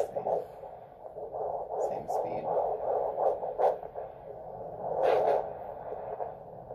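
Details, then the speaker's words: Fetal heartbeat at 11 weeks of pregnancy, first time heard, on Doppler: rapid, steady whooshing pulses about 160–170 per minute, "bouncy" with good variability; normal fetal heart tones. "it's about once between 160 and 170 it's kind of bouncy it doesn't tell me"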